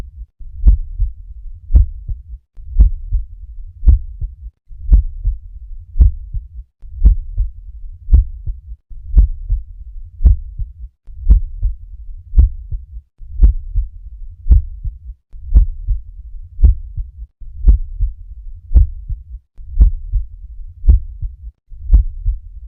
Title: NORMAL HEART SOUND - APEX | HEART SOUNDS | AUSCULTATION